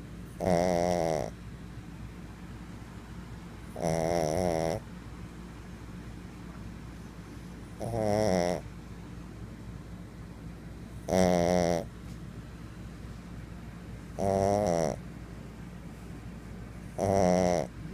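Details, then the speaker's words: Pug asleep, snoring loudly: rattling snores on each inhalation, about 19 a minute, with quiet gaps between. "Is he that loud at night too? I don't hear him. Good God Almighty."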